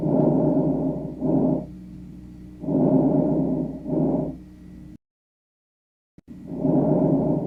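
Soft, low-pitched rustling breaths, longer breathing in and shorter, fainter breathing out, with no added sounds: normal vesicular breath sounds.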